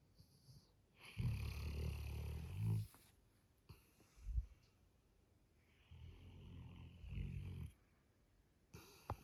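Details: Labrador snoring loudly in sleep: two long, low rattling snores about five seconds apart, with a soft snort between them.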